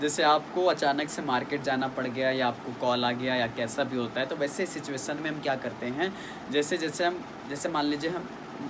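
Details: Adult man; plain speech.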